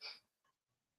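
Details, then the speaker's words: Old small dog coughing: a single short, harsh, hissy burst, then a faint follow-up sound, a brief cough or hack; described as hacking, spluttering and coughing. "no that's a dog you can hear coughing old old sface is hacking and splitting and coughing and stuff"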